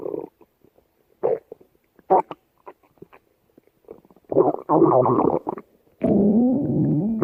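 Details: Scattered gurgles and squelches, then longer rumbling growls with wavering pitch, from a person's stomach; ordinary stomach growling (borborygmi).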